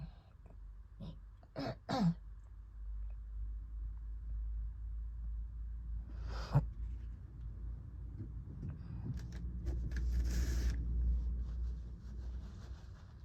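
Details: Asthma attack after recovering from COVID: several harsh, throaty coughs over a steady low background rumble.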